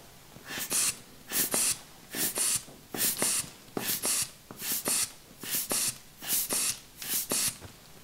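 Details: Steady, rhythmic paired puffs of air as a hand bulb inflates a blood pressure cuff on the arm during an ASMR role-play gynecological wellness exam of an adult woman; the reading is normal, 110/85.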